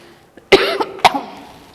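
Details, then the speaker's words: Adult teacher coughing during a recorded class: two short, sharp coughs close together in a quiet room. "ഡിസൊരു ചുമയാണ് കേട്ടോ."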